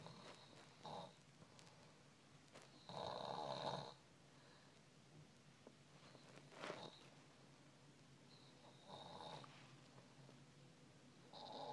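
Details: Sleeper: irregular rough, rattling snores on sleep breaths over quiet room noise; snoring.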